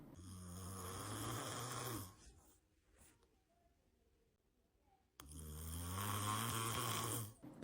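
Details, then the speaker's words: Snoring in a sleeping cat: loud, rattling snores, two long breaths separated by a quiet exhale pause. "Видели, как храпят коты? Я думал, что котики вообще не храпят."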